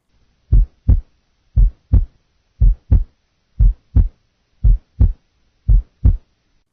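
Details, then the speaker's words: Normal heart sounds at the pulmonic area, second intercostal space left sternal border, via stethoscope: clear, regular lub-dub, normal S1 and S2, about 58 beats per minute. "And that's where we're going to hear the pulmonic valve."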